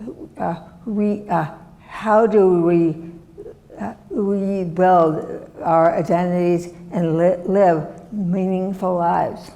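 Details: Adult woman, former professor, with non-fluent aphasia from a severe stroke in 2010 that left her right side disabled and took her speech; she relearned making sounds and still cannot speak as before; non-fluent aphasia.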